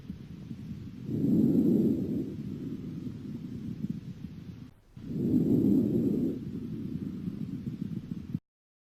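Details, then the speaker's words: Soft, low rustling breath sounds rising and fading with each breath, heard by stethoscope over the chest during a demonstration of lung auscultation at five to six symmetric points: normal vesicular breath sounds. "il entend les bruits transmis par le passage de l'air dans les voies respiratoires c'est le murmure visite de l'air"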